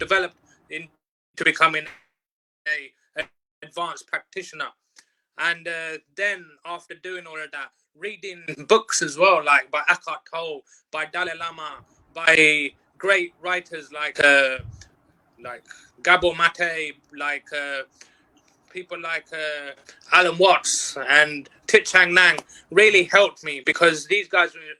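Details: Adult who reports stuttering since age four, formerly on nearly every sentence at school; stuttering.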